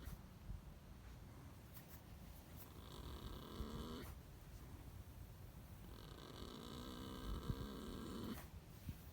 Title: Snoring horse